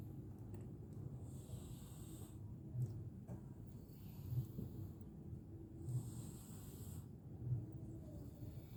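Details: Domestic village cat snoring while soundly asleep: soft, rhythmic, breathy snores about every one and a half seconds, quiet and regular.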